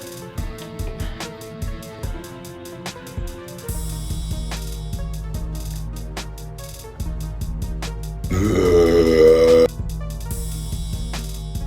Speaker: here's a video of my pretty girlfriend burping